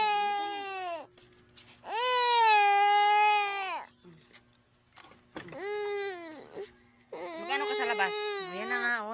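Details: An infant cries in long, loud, wailing bursts with brief gasping pauses; an ordinary fussy cry from a baby who won't sleep and wants to be walked around.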